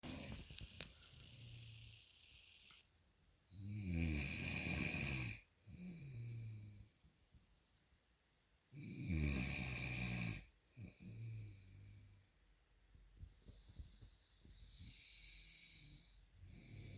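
Loud rattling snores with softer snorts between them, about 12 breaths a minute, in a quiet room.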